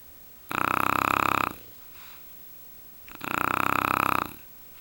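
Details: Two bulldogs and a husband snoring together: loud, harsh, vibrating snores about 2.5 seconds apart, each near one second long, with a faint breath between, loud enough to drown out the TV.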